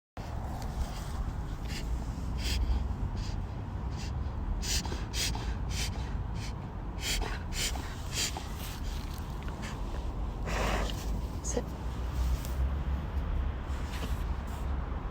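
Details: Repeated sharp, snorting inward breaths from a dog during a reverse-sneezing episode that is still recurring; the vet says it's nothing to worry about.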